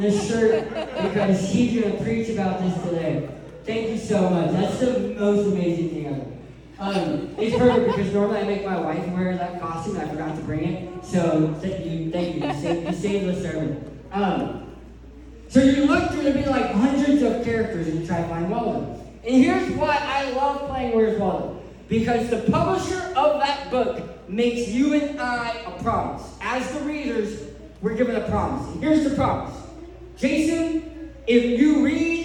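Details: Adult male who lost 80% of his tongue to cancer, leaving a permanent speech impediment; articulation impairment after partial glossectomy.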